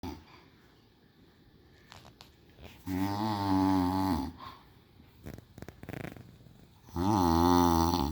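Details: Two loud, rattling, voiced snores on breathing in, separated by a quiet pause with breathing noises, from a sleeping person whose nose is tickled; ordinary snoring.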